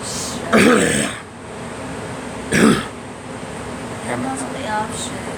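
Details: Girl coughing; she says she wants to cough but can't bring anything up, though it's starting to come up a little. Two separate harsh cough bursts about two seconds apart, with faint talk and room noise between them.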